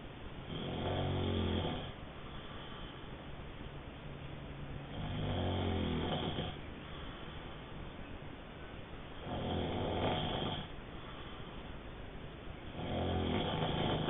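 Loud rattling snores on each in-breath, about four in fourteen seconds, around 15 breaths a minute, over steady background hiss.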